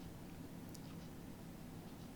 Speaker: Oh, sorry, I hope you didn't hear that. That's my tummy rumbling.